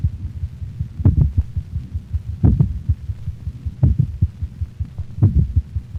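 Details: Canine heart at the mitral valve area: slow, loud ventricular beats near 43 a minute with softer, lower-frequency, faster atrial thuds between them, two independent rhythms: complete heart block.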